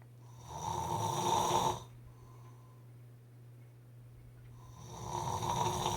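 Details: Two loud, buzzing snores with a quiet pause between, from a sleeper breathing in deeply; snoring.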